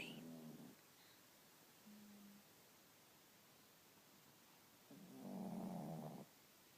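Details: 12 lb dog snoring on a lazy morning: low, rough snoring sounds on breaths in a quiet room, with pauses between; snoring.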